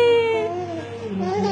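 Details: A brief high-pitched infant cry, a single wailing note that wavers and fades in a small room, as the mother chants "Ya Hussein."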